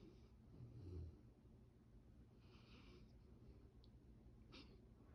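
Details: Labrador puppy in deep sleep: a quiet, low rumbling snort, then soft nasal breathing; light snoring over steady room hum.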